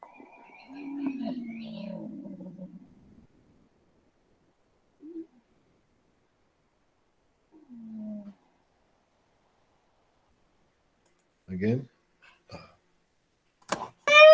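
Musical, whistling tones of several pitches, then brief gliding squeaks separated by silence: wheezing from narrowed airways.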